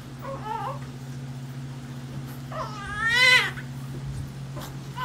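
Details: Newborn crying just after a hard, painful vaginal delivery: short, thin cries, one rising to a louder wail, over a steady low room hum.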